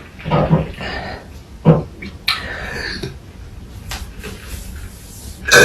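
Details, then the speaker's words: Low, rough, drawn-out throaty belches with brief bursts of noise between them; deliberate burping. "really burping in your face casey"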